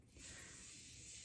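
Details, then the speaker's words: Blood pressure cuff deflation at the brachial artery after palpatory inflation to 146 (pulse lost at 116) to estimate systolic baseline for two-step measurement in a vital signs demonstration: steady soft hiss of air escaping. "bleed the cuff off so the reason we're doing this is to obtain a baseline that should be around what her systolic number is"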